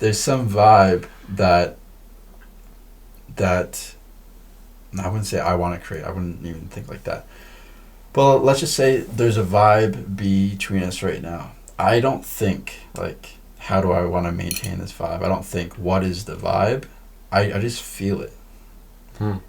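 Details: Man who says he stutters: stuttering.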